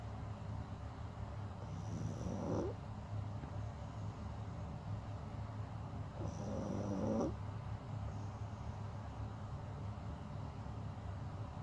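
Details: Rudy, a sleeping animal, snoring: two slow, drawn-out rumbling breaths about four seconds apart over steady low room hum.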